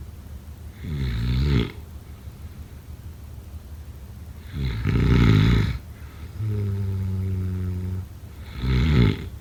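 Heavy, rumbling snores at about 16 breaths a minute, one with a steady droning tone; loud snoring during sleep.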